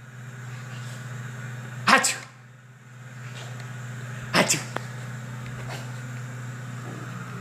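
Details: Child sneezing, recorded September 2015: two sharp explosive sneezes a couple of seconds apart over a steady hum.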